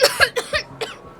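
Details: An acted child's cough in a comedy skit where the boy is said to have asthma: a quick run of about five short, dry bursts in a small room.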